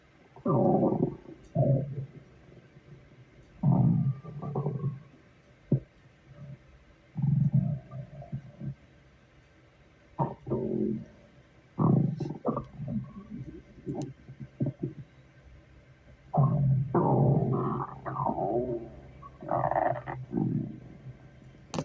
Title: Stomach growling at work.